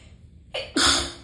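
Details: Single sneeze from a tickly sneezing fit: a quick indrawn breath followed by one forceful, hissing sneeze burst.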